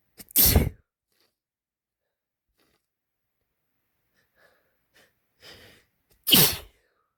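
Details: Male hitchy sneezes: two forceful, wet sneezes with brief catching breaths between them.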